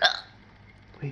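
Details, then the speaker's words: Single sharp, abrupt hiccup from a young girl during a hiccup episode while others try to scare it away; then near silence and a faint voice starting. "Oh, now we got to wait for your hiccups to go away. I have to scare you."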